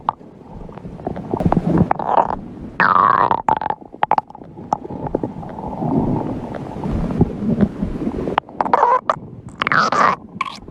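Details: Stomach growling (borborygmi): gurgling, rumbling and squeaky bubbling sounds over about ten seconds.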